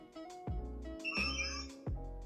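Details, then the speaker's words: Modern hearing aid set to high gain, volume control at position three, held in hand: steady tones and brief sliding high whistles with handling thumps as feedback suppression detects and silences the whistle. "Произошёл первый свисток. Система это обнаружила . И, как вы можете видеть, устройство работает бесшумно."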